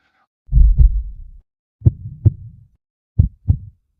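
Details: Three deep paired lub-dub thumps about a second and a half apart, roughly 45 beats a minute, in a cinematic science documentary; a heartbeat.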